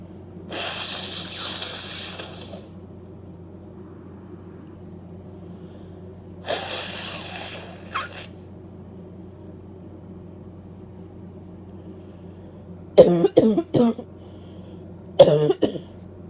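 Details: Female with a cold: long breathy sniffs or sneezes, then two bursts of short, harsh coughs with a barking quality.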